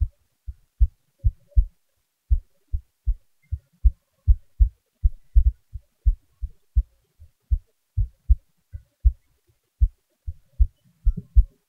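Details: Person's own heartbeat recorded at rest with the volume raised: soft, low paired thumps at roughly 75 to 80 beats a minute in a quiet room, normal heart sounds.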